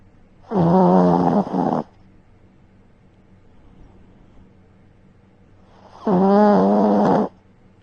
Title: My dog snores louder than I do #sillydog #tinymic #dogsnoring #snuggly #lazybones